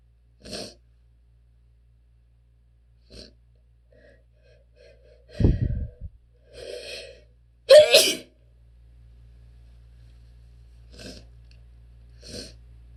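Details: Strong sneezes with attempted holdbacks from a person with relentless allergies: several short stifled sneezes and one loud full sneeze, with catching breaths between them.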